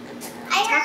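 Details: Vocalization through a tracheostomy speaking valve in a young girl with cri du chat syndrome and primary pulmonary hypertension, on her first time using a Passy-Muir valve; her family had not heard her voice since birth.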